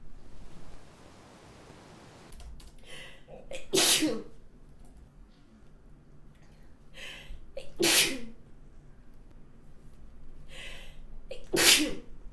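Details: Three simulated, acted sneezes in a row, each after a catching breath, from a woman portraying hay fever, allergic rhinitis, who can't stop sneezing.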